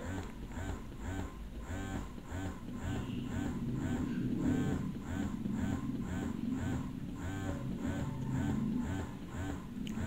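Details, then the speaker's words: Phanpy double electric breast pump cycling through massage modes one to four: quick, regular squeaky suction pulses, about four per second. "so this is massage mode number one okay so you can see your suction level let's have massage mode number two massage mode number three next massage mode number"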